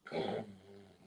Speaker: want to hear the best snores in the world? Right here.